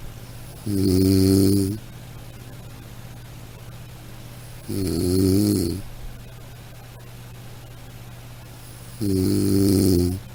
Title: Soothing Snoring Sound - Black Background